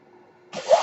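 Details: Podcaster's own ventilator during speech recording: faint low hum, then a sudden breathy whoosh of air with a rising tone as a breath is delivered; mechanical ventilator noise.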